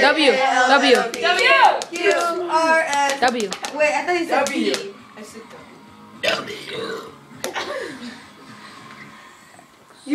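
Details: Child voluntarily burping out the alphabet letters, belching a string of words amid laughter and talk; burping.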